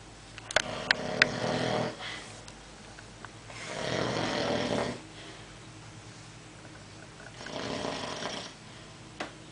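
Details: A sleeper making three noisy, rattling breath sounds spaced a few seconds apart, with quiet gaps; snoring during sleep.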